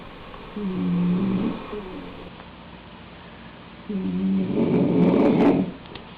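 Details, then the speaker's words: Stertor in a dog, shown as an example of infant noisy breathing: low-pitched rattling snore on two breaths, ending as it snorts itself awake, from tissue rubbing on itself in the nose or throat. "It's a snoring sound essentially, and it's really just tissue that's rubbing on top of itself."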